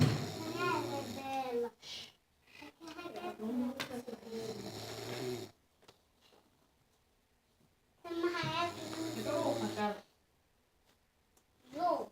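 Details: Snoring: long, rattling, fluttering snores broken by quiet pauses in a small room.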